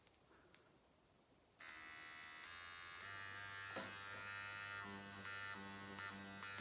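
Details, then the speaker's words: Steady electric buzz of a Dr. Pen microneedling device at 0.5 mm on the face at home, pitch changing briefly as it moves over skin; hyaluronic acid serum getting into the pen can make a weird sound. "can hear my pin sometimes I'll get that hyaluronic acid serum gets down into it and it kind of makes a weird sound you"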